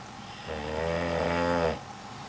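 A single long, loud, rumbling snore with a deep droning tone lasting over a second.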